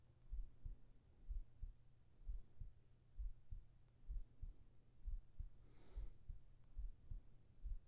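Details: Soft, steady low thumps at about 66 beats a minute with a faint breath sound partway, in a sleep ASMR recording; normal heartbeat.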